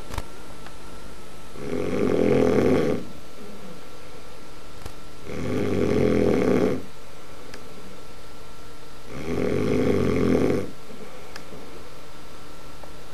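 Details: Three loud, rattling inward snores about every four seconds, roughly 16 breaths a minute, with quiet exhalations between; ordinary snoring.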